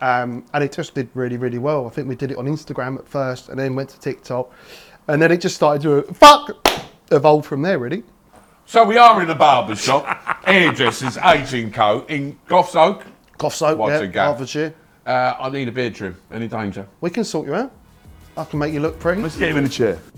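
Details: Tourette syndrome in a male barber, onset at about age 14, with motor and vocal tics including swearing (coprolalia); tics worsen with nervousness (he is nervous today) and as the day goes on; vocal tics (Tourette syndrome).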